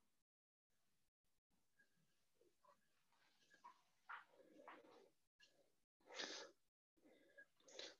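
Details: Inspiratory stridor in a child: harsh, high-pitched noisy breaths on breathing in from upper airway narrowing, played as a teaching example for ENT residents on stridor phase.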